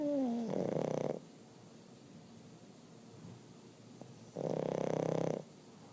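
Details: Two buzzing, fluttery snores about three and a half seconds apart, with quiet breathing between them, from a sleeping subject; snoring.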